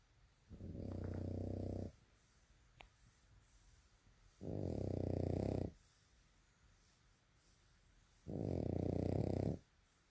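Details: Bulldog snoring loudly while asleep: three loud, low rumbling snores about every four seconds with quiet pauses between.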